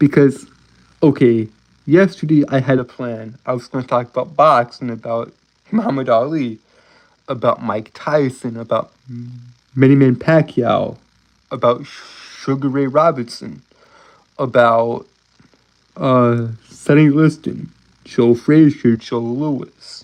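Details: Adult man who reports a speech impediment and says he stutters a lot; real, spontaneous speech with word repetitions; stuttering.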